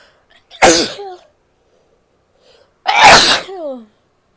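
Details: Female sneezing: two sharp explosive sneezes, each followed by a brief voiced trailing sound; recording also contains coughing and nose blowing near the end.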